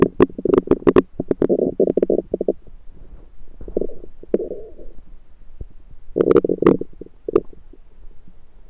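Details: Abdomen recorded with a USB stethoscope. Bursts of gurgling, bubbling rumbles with quiet gaps between them: ordinary bowel sounds of a rumbling stomach.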